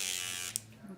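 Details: Microneedling pen for collagen induction therapy with PRP, disposable 12-needle tip loaded, depth and speed adjustable, switched on in a demo: steady high-pitched electric buzz, then a brief click as it settles, in a quiet small room.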